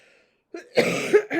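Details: Single adult cough, a short harsh burst with brief follow-on, indoors between stretches of talk during a tarot video; a pesky cough.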